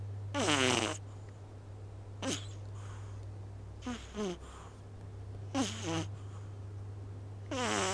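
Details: A small cat with half-open eyes snores loudly while asleep, in repeated rasping, buzzy bursts against a steady low hum in the background; a harmless sleep snore, loud for its small body.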